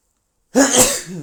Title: Guess who's back! Loud male sneezes, Info about me in description